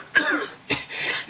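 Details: Adult man gives two short, forceful voluntary coughs, made on purpose rather than from illness, while showing his abdominal muscles.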